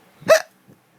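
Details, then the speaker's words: Hiccups after a night of drinking: a single sharp voiced hiccup, then a faint second sound, involuntary hiccuping. "I can't stop hiccuping. How do you spell hic? I-C-C-U-P."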